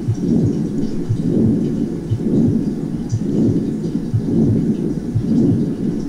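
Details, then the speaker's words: Continuous machinery murmur with rhomboid (diamond) shape, beginning with the first heart sound and ending at the next first heart sound, from aortic-to-pulmonary flow in systole and diastole; patent ductus arteriosus. "así podemos escuchar el soplo de la persistencia del conducto arterioso escocia en un soplo continuo vean la forma romboidal inicia con el primer ruido y termina con el primer ruido"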